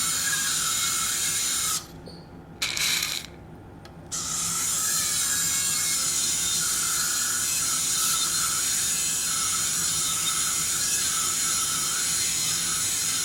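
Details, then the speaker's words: Surgical drill: continuous high-pitched whirring with two brief pauses, drilling the inferior ear canal wall for residual exostosis on the right, during transcanal revision tympanoplasty for severe tympanic membrane lateralization. "okay so I need now to drill out the inferior part of the inter worldall because I think we have some exostosis residual exostosis on the right you can see here"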